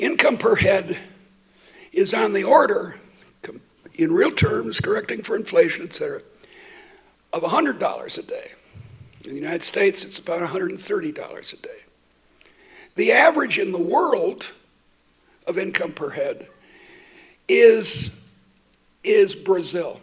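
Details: Adult woman who states she stutters, speaking while she has a terrible cold; repetitions heard; stuttering.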